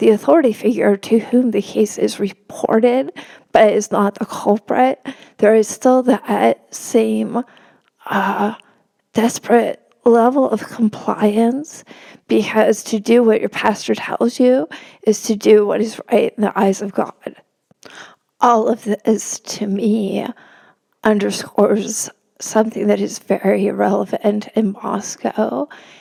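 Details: Woman, a religion reporter, who has spasmodic dysphonia; spasmodic dysphonia.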